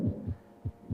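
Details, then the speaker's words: Heart tones heard through a simulated stethoscope in immersive virtual reality on a VR patient with shortness of breath during an asthma call: low, dull paired heart thumps over the chest, interfering with lung assessment after inspiratory and expiratory wheezes. "you may have noticed i can also hear his heart tones but that's actually getting in the way of my assessment"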